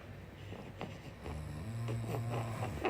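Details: Father asleep and apparently very tired: a single low, buzzing snore building over a couple of seconds against soft room noise; snoring.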